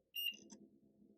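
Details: A short high electronic beep, then a quiet low mechanical whir from a PCA infusion pump with a hydromorphone 0.2 mg/mL syringe, as the purge key is held down to remove all air from the tubing.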